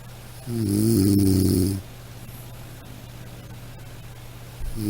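One long, throaty snore over steady low room hum, with the next snore starting at the end; ordinary snoring.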